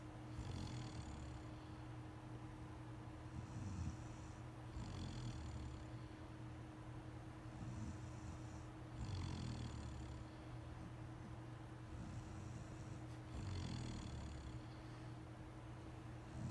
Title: Wife snoring